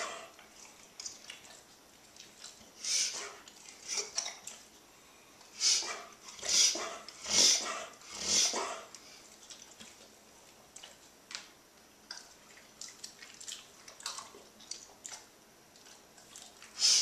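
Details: Dog, mild reverse sneeze: a brief run of harsh, snorting inward pulls through the nose.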